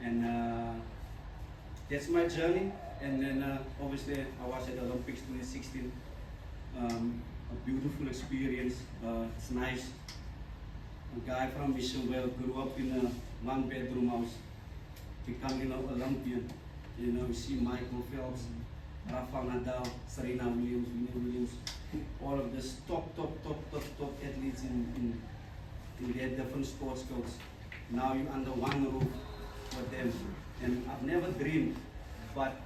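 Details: Stuttering in an adult man, a former rugby sevens player, who says he still stutters and that his stutter was very severe as a child.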